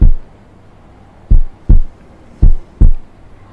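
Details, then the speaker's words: Routine cardiac auscultation at the apex (left fifth intercostal space, midclavicular line) with the stethoscope diaphragm, patient reclining at 45 degrees, during a cardiovascular examination demonstration; normal heart sounds. "routine auscultation of the heart auscultate at the apex with the diaphragm of the stethoscope"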